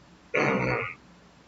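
A single short, harsh, voiced throat clear lasting about half a second in a quiet room.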